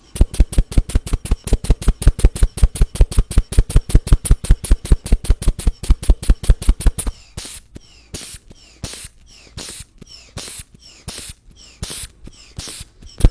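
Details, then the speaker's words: Simulated ASMR medical exam roleplay with the arm raised. Rapid rhythmic hand-bulb squeezes, then slower hissing releases as a blood pressure cuff is pumped up and deflated. Blood pressure cuff inflation. "Je ranger ça et puis on va prendre ta pression. C'est le moment de la pression."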